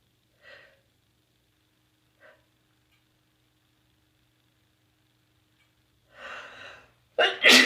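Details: Early-morning sneeze after a tickle: two faint breathy catches and a rising inhaled buildup, then one loud explosive sneeze in a quiet room; phone was dropped, so sound quality is reduced.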